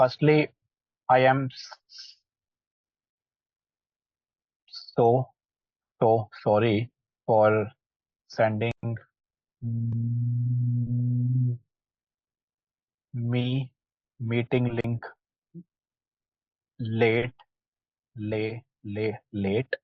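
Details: Participant in an online stammering practice group, speaking with audible repetitions; stuttering.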